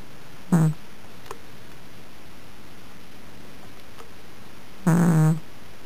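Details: Two brief, low, rumbling snores about four seconds apart in a quiet room from a sleeping deaf cat who snores often and semi-loudly.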